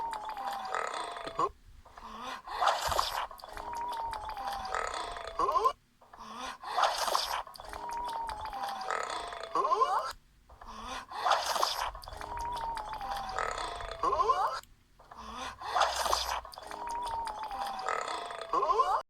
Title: Burps compilation 50